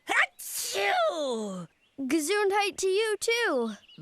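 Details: Acted cartoon sneezing from Little Bear: a sharp sneeze burst, then drawn-out sung-sounding exclamations in voice acting.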